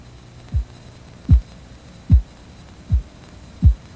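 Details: Five soft regular tapping pulse sounds, about 75 a minute, heard through a stethoscope as a blood pressure cuff deflates; practice sample for reading systolic (first sound) and diastolic (last sound) pressure by auscultation; Korotkoff sounds, 1997 first-aid training.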